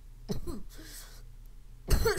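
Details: A short cough with throat clearing, then another harsh cough burst; dry coughing.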